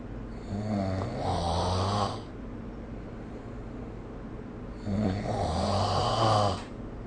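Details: Sleep snoring recorded with the SnoreLab phone app: two long, loud, rattling snores on breathing in, about five seconds apart, with quiet breathing between.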